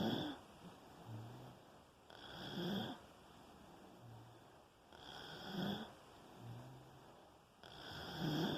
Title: Sleeping and snoring with breathing and visible pulse 2